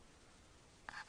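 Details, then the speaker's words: Sleeping child with obstructive sleep apnea, tongue falling back during sleep: near silence while holding his breath, then a brief catching click and a rising, noisy indrawn gulp, the recovery gasp after an apneic pause. "he's still holding his breath and that's going to gulp again there he goes that was it again and again"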